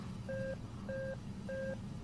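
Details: Nihon Kohden defibrillator in AED mode, hospital ICU nursing training: three evenly spaced mid-pitched electronic beeps about every 0.6 seconds while pads are applied to right upper chest and left side; AED prompt beeps.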